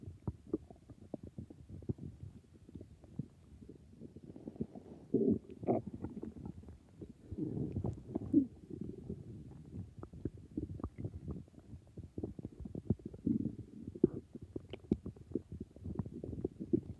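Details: Stomach growling (borborygmi): low, continuous, irregular rumbling, gurgling and popping bowel sounds.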